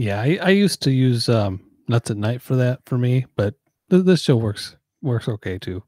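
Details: Adult male speaker; typical speech.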